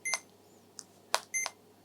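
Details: A few short high electronic beeps and chirps in a quiet room as a CADD Legacy Plus infusion pump, set up for IV epoprostenol (Veletri) in pulmonary hypertension, returns to running mode.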